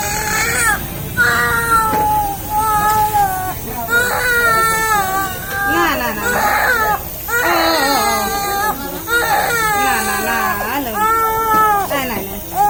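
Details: A baby being cared for for a cough cries in repeated strong, high-pitched wails with brief gasps between them, in a small room: infant crying.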